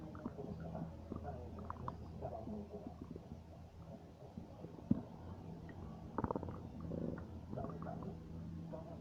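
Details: Low gurgling and rumbling from the belly with a few sharper squelches, ordinary stomach noises; bowel sounds (borborygmi).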